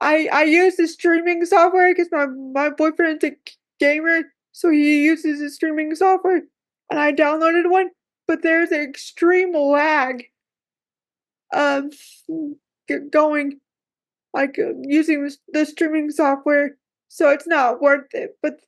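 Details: Woman with cerebral palsy who says talking is hard for her; speech difficulty with cerebral palsy.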